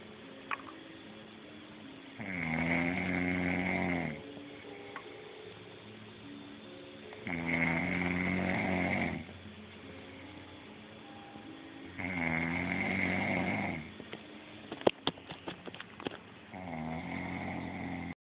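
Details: Person snoring heavily: loud rattling snores on each breath, about 13 per minute, with quiet exhalations and a few clicks between; ordinary heavy snoring.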